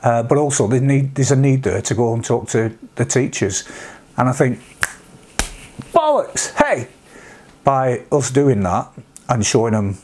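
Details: Vocal tics with coprolalia in an adult man with Tourette syndrome, whose tics reached this degree after age 46; he also has milder tics such as sniffs and humming.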